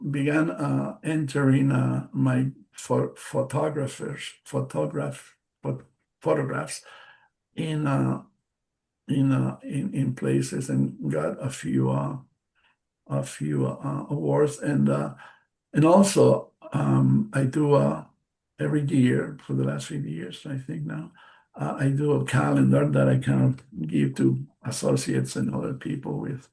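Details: Man, a stroke survivor with post-stroke aphasia, speaking English as a non-native speaker during a presentation; word repetitions and self-corrections are audible; aphasia.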